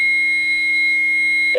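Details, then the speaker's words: Training AED in adult one-rescuer CPR demonstration: steady high-pitched charging tone after "shock advised, everyone stand clear" prompt, ending with a brief change as the simulated shock is delivered. "shock advised charging everyone stand clear make sure everyone's clear"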